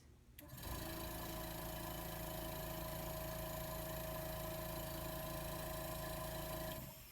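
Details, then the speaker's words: Suction machine switched on and set to 5–10 before tracheostomy suctioning of a patient in training demonstration: steady whirring, buzzing motor noise that starts abruptly and runs evenly. "After you've explained the procedure and identified your patient, you check your suction. It needs to be set on 5 to 10. So you clamp your suction and set it."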